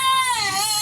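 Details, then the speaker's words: Brief high-pitched infant cry with a falling wail, a recording played back to test headphones with transparency mode on max; infant crying. "I'm going to play the baby's voice. And then I'm going to put on active noise cancellation to max and see if it makes a difference. Okay, so this is maximum annoyance."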